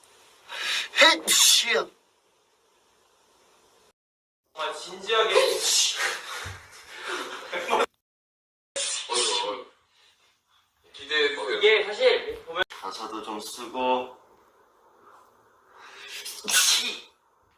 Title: Part 2 of SF9 sneeze compilation